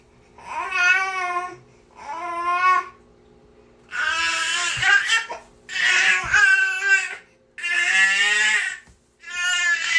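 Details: A real recording of an infant niece crying nonstop, repeated wailing bursts with short breaths between them, in a small quiet room: infant crying.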